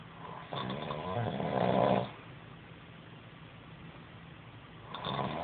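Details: Snoring from a man who claims he doesn't snore.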